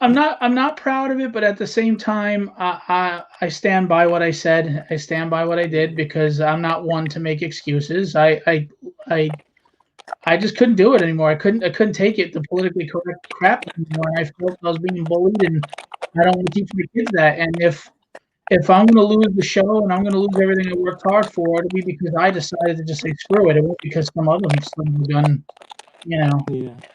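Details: Adult male speaker; stuttering.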